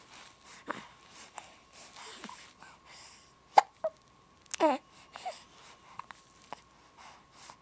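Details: Hiccups on New Year's Day: several brief, sharp catching sounds at irregular intervals over quiet breathing and a faint steady hum.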